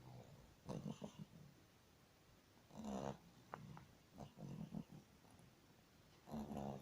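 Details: Elderly dog snoring while asleep, as it does every night: soft, irregular snorting and snuffling breaths with low rumbling on some breaths.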